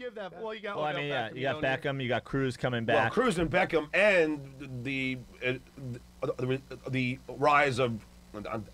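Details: Adult male speaker; speech.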